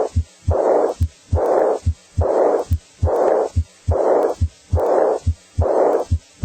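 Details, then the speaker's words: Regular heart sounds near 70 a minute with a blowing early diastolic murmur starting right after S2 without a gap and fading before the next S1, as in aortic regurgitation. "and early diastolic as in a or decor agitation starts right after s - without a discernible gap they usually fades into silence before the next s1"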